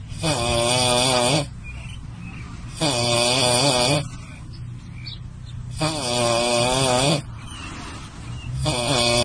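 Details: Loud, harsh, rumbling snores about three seconds apart, roughly 22 breaths a minute, with quieter breaths out between, while sleeping in a car after eating; heavy snoring.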